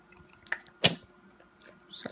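A single short, sharp, hissing burst in a quiet room, with faint clicks before and after; a sneeze.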